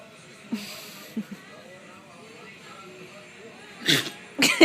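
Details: Four-year-old red nose pit bull, held like a baby while cuddling, sneezes: two short, sharp bursts of air after quiet rustling; dog sneezing.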